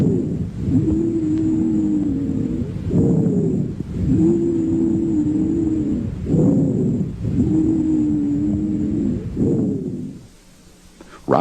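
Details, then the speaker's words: Chest auscultation: long, musical, relatively high-pitched whistling tones with a hissing, shrill quality through repeated breaths, wheezes from narrowed airways, lasting longer than crackles. "compared to crackles wheezes and rohnke I last much longer and sound more musical wheezes are relatively high pitched and have a hissing or shrill quality"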